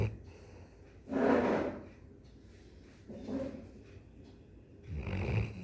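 Three noisy rasping snores a few seconds apart in a quiet room, from a sleeping dog.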